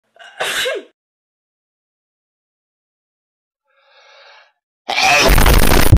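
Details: Simulated cartoon sneezes voicing Sonic characters Rouge and Knuckles: a quick gasp and sneeze, a brief pause, then a loud explosive sneeze.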